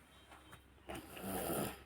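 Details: Sleeping young boy snoring: soft snuffling breaths, then a rougher, louder snore on the in-breath; light snoring.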